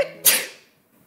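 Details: A single sharp, hissing sneeze that fades quickly into quiet, from a sneeze compilation; sneezing.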